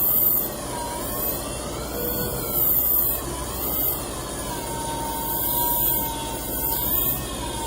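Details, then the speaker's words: Phacoemulsification during cataract surgery under topical anaesthesia, small pupil, grade 2 nuclear sclerosis, nucleus fragment being emulsified; ultrasound 60%, flow 45 ml/min, vacuum 450 mmHg: continuous machine hum with rising and falling tones and periodic high chirps. "And this fragment is emulsified. Ultrasonic energy is set at 60%. Flow rate is 45 ml per minute and vacuum is 450 mm of mercury."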